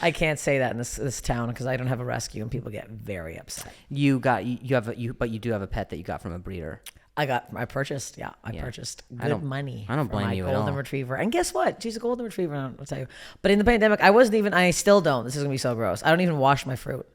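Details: Adult speakers in conversation; typical speech.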